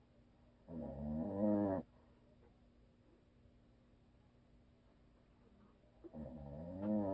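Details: Habitual snoring from a husband asleep who "snores and always will", recorded for ASMR: two loud, rattling snores about five seconds apart with quiet room noise between.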